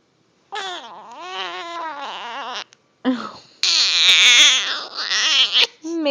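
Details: Infant with hiccups trying to fall asleep: high-pitched, wavering crying in two bouts separated by a brief pause; infant cry.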